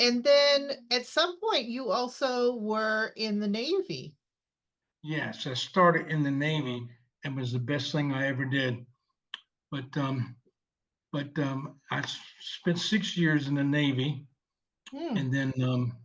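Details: 74-year-old male veteran with aphasia from a stroke 7 years ago, initially unable to read, speak or write, now speaking with repetitions; non-fluent aphasia.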